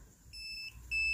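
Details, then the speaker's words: Contec CMS60D-Vet veterinary handheld pulse oximeter sounding its high-pitched electronic no-pulse alarm while the sensor detects no pulse; the alarm can be switched off. "that's the alarm for there's no pulse, I'm not sensing nothing."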